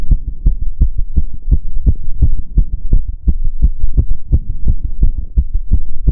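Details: Fast heart sounds recorded on own chest while exercising with step-ups (stair-stepping exercise); rapid heartbeat during exercise.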